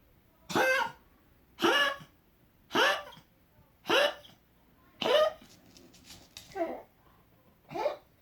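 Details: Sneezing fit, his longest ever, after something bothered his nose; he normally has gagging fits on waking and changing position: seven sharp, explosive bursts in close succession over about eight seconds.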